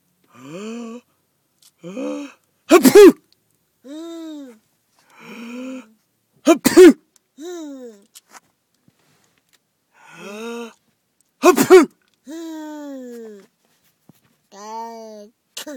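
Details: Baby daughter imitates a parent's fake sneezes: short, sharp pretend sneezes alternate with the baby's rising and falling playful vocal imitations.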